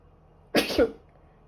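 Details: A female gives a single short, sharp burst of breath with a brief voiced catch, in a quiet room; a sneeze.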